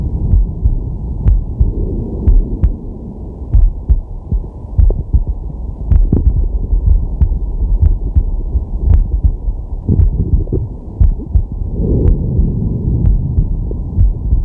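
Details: Male relaxing with a digital stethoscope on his chest: steady heartbeat thumps under heavy stethoscope rumble, with slow, deep breaths swelling in and out; normal heart sounds.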